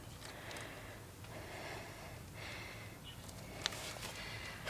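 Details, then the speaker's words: Agonal breathing in an unconscious, unresponsive adult man after a dose of naloxone given by police officers: noisy, irregular gasping and snorting breaths; he later becomes more responsive. "So he's unconscious there. He's had 2 doses of Naloxone and you think that he's got agonal breathing?"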